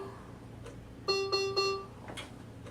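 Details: Servo-i ventilator alarm: three short repeated electronic alarm tones over quiet room noise when the patient is disconnected from the circuit, after which the machine resumes ventilating.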